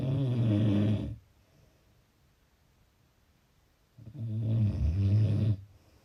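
Two long, loud, rumbling snores on breathing in, with quiet gaps of about three seconds between them; heavy snoring.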